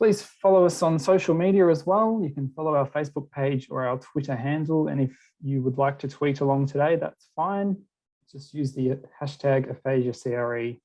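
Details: Adult speaker; typical speech.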